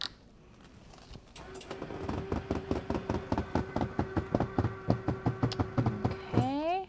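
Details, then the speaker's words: Steady motor hum with regular mechanical thumps, then rising whirring as an electric hospital bed is raised before medication administration via PEG tube in a nursing demo. "then we want to make sure that the patient is positioned at a 45 to 90 degree angle"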